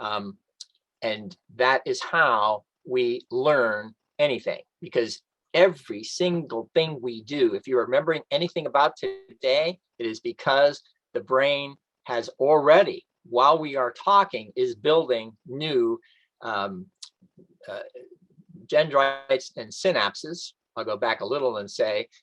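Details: Adult man with post-stroke aphasia, reading aloud from a book in a self-made recording during a two-year recovery; some stock phrases come out intact, while other words cannot be retrieved or pronounced; aphasia.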